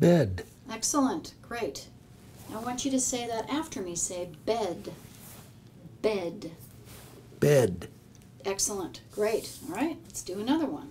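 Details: Adult woman speaking, possibly with a second speaker repeating words; ordinary speech (word repetition exercise).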